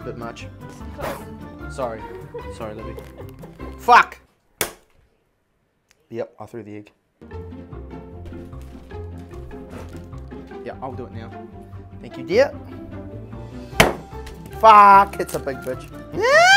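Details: Man with Tourette syndrome; swearing and unexpected outbursts followed by apologies; Tourette syndrome vocal tics.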